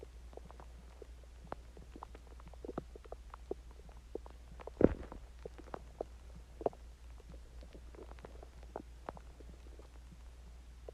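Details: Soft scattered gurgles and pops with one louder gurgle over a low steady hum; stomach growling after eating Chinese food and drinking water.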